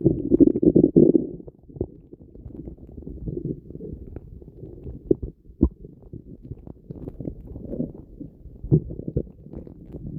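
Loud, low, gurgling rumbles with bubbling pops, strongest at the start; stomach rumbling from gas and fluid moving through the gut.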